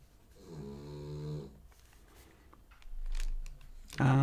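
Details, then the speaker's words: Sleeping puppy snoring, growing louder: a low, buzzing snore, then a softer rumbling breath, before a sudden loud sound cuts in at the end. "um you can hear the puppy snores now it's getting louder"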